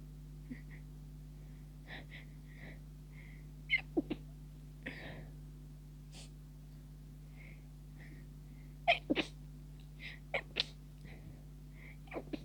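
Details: Near the end of a cold and feeling better, but tickling sneezes persist: a run of short, muffled sneeze bursts with quick catches of breath between, over room hum; repeated stifled sneezing attack.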